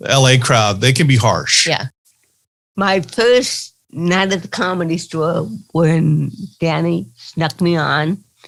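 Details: Dysarthria in an adult woman with cerebral palsy.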